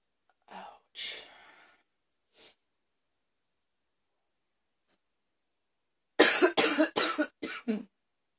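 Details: Coughing fit in an afternoon: a few early coughs and a throat sound, then a rapid run of five harsh, forceful coughs in close succession.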